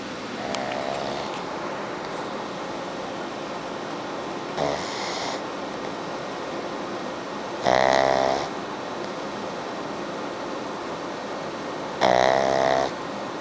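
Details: Pug snoring loudly while asleep, loud vibrating snores repeating about every four seconds over steady room noise; snoring.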